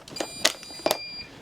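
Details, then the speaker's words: Infusion pump in intensive care sounding repeated sharp electronic alarm tones because the pump door is open; infusion pump alarm. "now you will hear them alarm and ones doing it now that's a typical alarm that's because I haven't pressed go"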